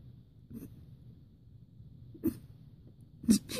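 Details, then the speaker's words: Three tiny, sharp hiccup sounds from a small hamster, spaced a second or so apart over quiet room noise; she appears to bounce and inflate with each. "Let me clean my foot while I got the hiccups. Maybe we scared her, and that's why she has hiccups."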